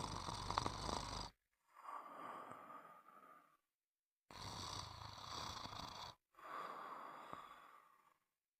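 Rough, rasping breath noises come in and out in cycles, with brief silences between them, consistent with snoring.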